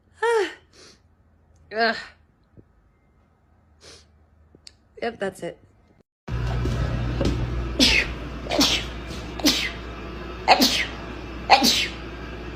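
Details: Repeated sneezing: several sharp sneezes in quick succession, the later ones over music and room noise.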